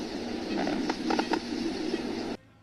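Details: Chest auscultation demonstration of lung sounds: brief popping clicks over a steady hiss, crackles.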